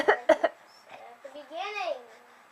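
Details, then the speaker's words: Infant (Andrew) gives three short, sharp voluntary "fake" coughs for attention, then a rising and falling vocal sound; previously did fake sneezes. "oh that's a big cough he always had a fake sneeze now he has a fake cough"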